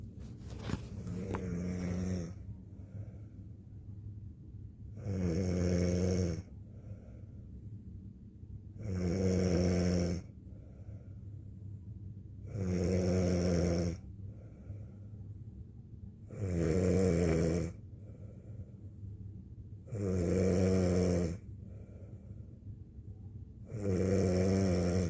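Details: A woman snoring during sleep, recorded by her husband on a night she was very tired: loud, regular snores with rattling low vibration on each breath in, about 16 breaths a minute.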